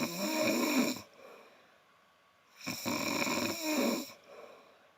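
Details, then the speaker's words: Snoring picked up on a livestream: two long, rough, rattling breaths about two seconds apart with quiet pauses between them, from an adult asleep. "so I guess we're just going to have to hear the snoring. It's it's part of the experience. Okay, snoring is a big part of the of the the viewing experience."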